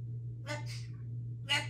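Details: Female Congo African Grey parrot imitating a sneeze: short breathy bursts like a stifled sneeze and a sharp gasp, then saying "bless you", over a steady low hum.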